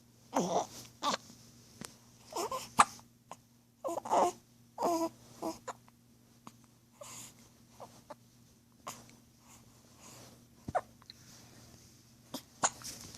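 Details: Repeated brief, sharp catches of breath with small squeaky voiced sounds from a 15-day-old newborn over a steady low room hum: hiccups.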